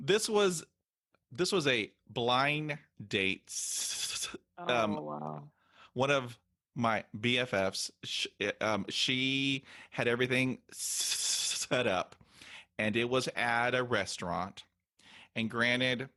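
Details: 48-year-old man who stutters, hosting a stuttering podcast; stuttering.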